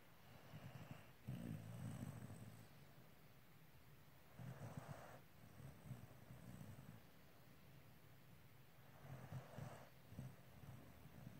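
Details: Soft, low rumbling snores in slow bursts with quiet pauses between, from a sound-effect collection; snoring.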